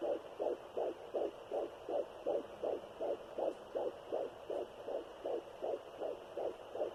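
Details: Fetal heartbeat at 12 weeks of pregnancy, heard on a Sonoline B fetal Doppler with a 3 MHz probe, in a third pregnancy after two miscarriages: fast, regular whooshing pulses at about 160 a minute over static, a normal rate.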